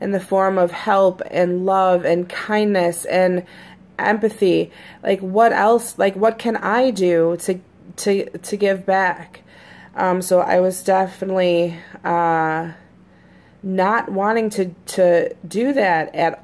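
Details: Stuttering in an adult woman, a lifelong person who stutters, who says her stutter has recently become more noticeable; usually fairly fluent on recordings; real speech.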